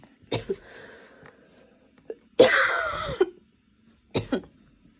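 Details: Several harsh coughs, including one long, strained, raspy cough, during a coughing fit that came on while studying and worsened until intense; the person was standing and kept changing positions.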